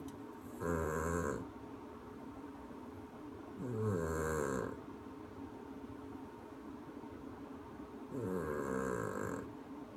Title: snoring!